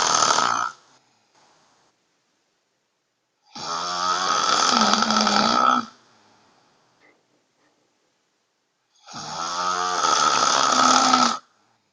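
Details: Loud, rattling inhaled snores in roughly two-second bursts every five to six seconds with quiet between, from a person recorded at home by her sister while sleeping; she reports snoring fairly often; heavy snoring.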